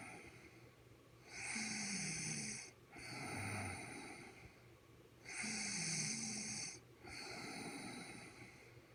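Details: Sleeping adult woman snoring loudly after eating a lot of chicken: rasping snores on each inhale with quieter, hissy exhales, about four breaths in nine seconds.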